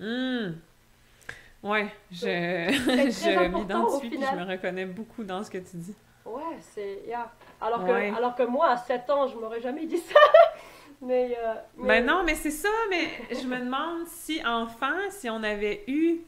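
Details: Stuttering in an adult woman who stutters, a doctoral candidate in speech-language pathology, speaking French.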